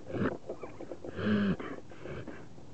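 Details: Dog having trouble with her nostril, still able to hunt, makes rapid snorting inward breaths through the nose: a reverse sneezing episode.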